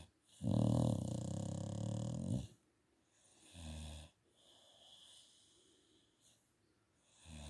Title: Snoring Staffy Buster. Turn your volume up up up for relaxation 😴